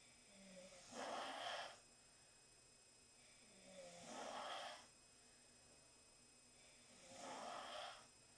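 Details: Four young women asleep in the same room after a long night out, snoring: three regular rasping snores, about 20 a minute, with quiet pauses between; ordinary snoring.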